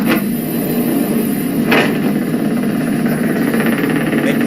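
A steady, unbroken rumbling crackle of rapid motor unit discharges that never falls silent: continuous motor unit activity in the tongue at rest.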